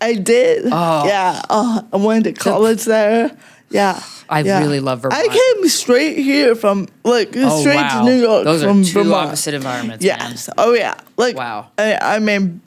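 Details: Adult woman with cerebral palsy, which she says mostly affects her speech and makes talking harder, and also affects fine motor skills and her walking a little; she uses no mobility aid. Finding: dysarthria due to cerebral palsy.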